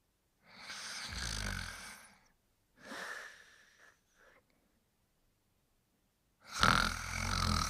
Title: Spike Sleeping & Snoring